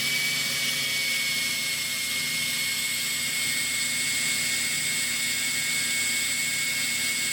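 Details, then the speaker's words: Vintage Emesco 90N dental drill running: a continuous high-pitched whine with a steady hiss from the motor. "Here is an Emesco vintage dental drill. Very interesting device."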